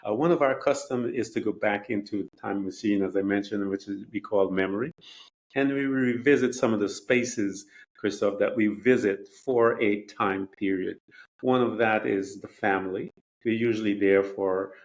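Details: Adult male speaker; Normal conversational speech.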